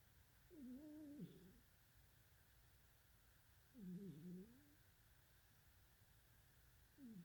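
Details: Sleeping cat snoring: soft, low rumbling snores about one every three to four seconds in a quiet room.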